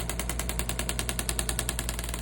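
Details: Shockwave therapy device applied over the Achilles tendon of a trainer with an injury, for pain and scar tissue: a rapid, even train of sharp tapping clicks, about eight to nine per second.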